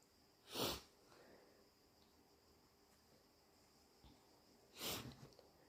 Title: Super strong, loud and wet sneezes! Allergies?